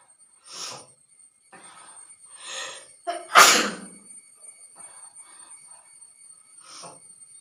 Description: sneezing challenge/sneezing with long green grass , handcarchif and spayci cooking challenge video